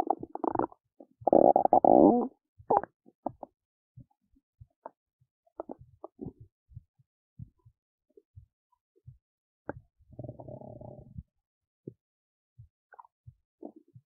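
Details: Belly noises while digesting oats: gurgling rumbles and scattered soft pops and squeaks, ordinary digestive bowel sounds.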